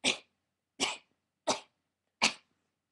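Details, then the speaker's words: A person with tics holds back a vocal tic by turning it into a cough, giving four short, sharp, breathy cough-like bursts in quick, even succession. "um pretty sneaky um sometimes it sounds like a sneeze but it mostly sounds like a cough"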